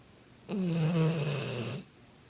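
A single deep, buzzing, drawn-out snore lasting over a second, typical of a short-nosed large dog snoring.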